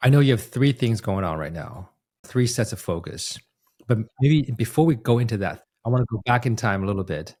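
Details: Adult man speaking; normal adult speech.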